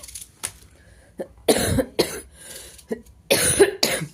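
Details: An adult coughs in a quick series of harsh, forceful bursts, a short coughing fit.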